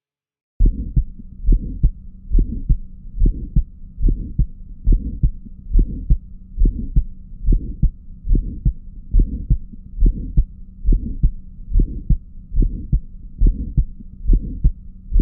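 Regular heartbeat at about 70 a minute, with a sharp, crisp click just after the first sound of each beat: an ejection click. Faint steady hum behind.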